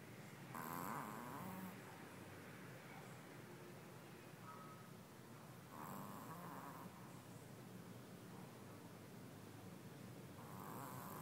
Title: Little dog with a loud snore